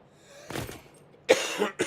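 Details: Two short, harsh coughs from an adult who says they are still sick, speaking during a live game stream, with a quiet room in the background.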